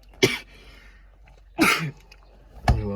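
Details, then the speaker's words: Fake cough performed for a coughing-blood prank on friends, using tomato sauce as blood: three separate short coughs in a quiet room, deliberately acted rather than from illness; acted cough. "so what I'm going to do I'm going to act like I'm going to call to cough cough cough"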